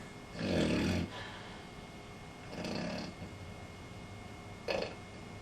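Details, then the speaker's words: Snoring in sleep from vibrating airways: low, rumbling snores on breathing in, two longer and one brief, over a steady background hum. "Pueden estrecharse, limitando así el flujo del aire al respirar. Pueden vibrar, lo que se conoce como ronquido."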